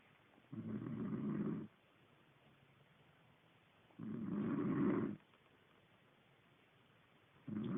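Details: Snoring person: rough, rumbling snores on each breath in, about 17 a minute, with quiet pauses between.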